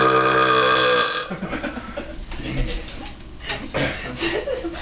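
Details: Person who says they often build up gas, belching after a drive, with family nearby: one long, loud, voiced belch, then casual talk in the room; an ordinary burp.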